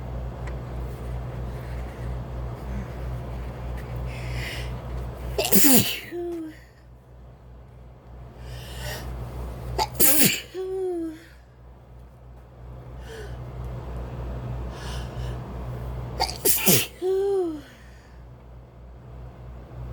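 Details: Three forceful, wet sneezes, each preceded by a sharp intake of breath, over low room hum; repeated sneezing the person guesses came from indoor dust and outdoor pollen, while tired and stressed.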